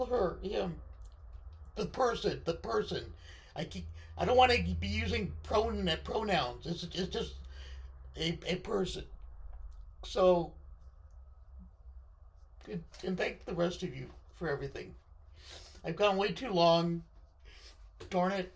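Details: Unilateral left-sided vocal cord paralysis following surgery in a male speaker, limiting his control of his voice.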